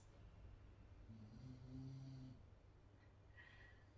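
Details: A little snore heard in the background during a seated yoga session: a soft snoring sound.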